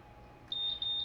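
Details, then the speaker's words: Simulated test on an MVM ventilator: the low minute volume alarm is set above the delivered minute volume of 3.6, and a high, repeating electronic beep sounds at once over faint room hum; this is the ventilator low minute volume alarm. "we immediately have an alarm put it back to where you want it select it we can go back and reset that alarm"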